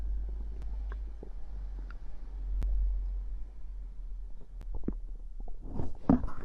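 Low gurgling rumbles with scattered clicks and bubbling pops from the belly: ordinary stomach growling, a normal sound of gut movement.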